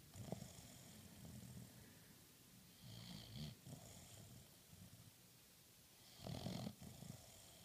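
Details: Snoring during sleep: soft, low, rattling snores in a quiet room, with a few louder snorting breaths.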